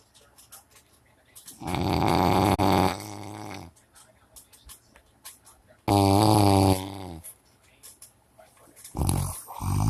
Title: All 🌙 snoring 😲 😲 😲/the 🐻 is here...